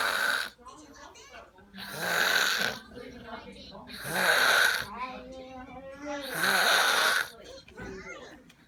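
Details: Drunk girl snoring: loud, harsh, rattling snores on each breath in, about three in eight seconds, with quieter breathing sounds between them.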